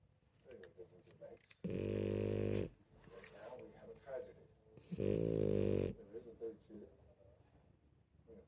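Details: Snoring: two loud, droning, rumbling snores a few seconds apart, with television dialogue in the background.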